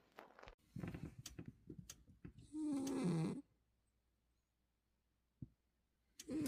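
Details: Rattly, fluttering breathing from a cat, then one loud rough snorting snore, a pause, and another starting; owner finds it very loud and is unsure whether it is normal; snoring.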